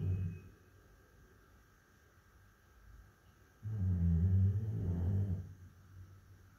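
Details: Sleeping Labrador retriever: a brief low, rumbling, fluttering snore, then a longer drawn-out one in a quiet room; snoring from vibration of soft tissues of the mouth and throat.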